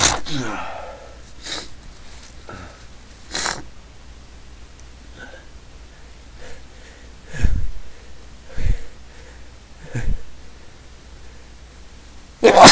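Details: Person who says they can't stop sneezing: a series of sharp, sudden bursts of air through nose and mouth a few seconds apart, quiet breathing between; repeated sneezing.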